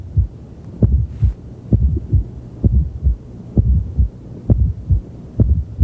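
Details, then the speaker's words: Regular low heartbeat near 66 a minute with a very loud, dull, low-frequency fourth heart sound just before S1, fifth interspace midclavicular line, left lateral decubitus position. "you'll probably never hear another fourth heart sound as loud as this which is why we recorded it it's usually a little more difficult to hear a fourth it's low frequency it's a very dull it's heard best with the bell of your stethoscope"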